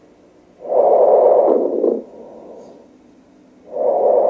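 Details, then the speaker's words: Rales (crackles) in a lung auscultation teaching recording: breath sounds with brief crackling pops late in inspiration. Rales are described as arising in bronchi and bronchioles, dry from airway narrowing or viscous sputum, moist from liquid secretion. "additional sounds also is rails crackles let's talk about them it's generated in bronchia and bronchioles it could be dry and moist dry narrowing of airways if passion have or presence of the viscose sputum"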